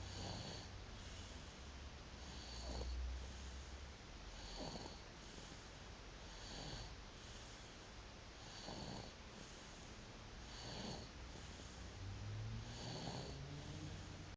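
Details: Baby snoring: soft, regular snoring breaths about every two seconds, roughly 28 a minute, with low rumbling room noise.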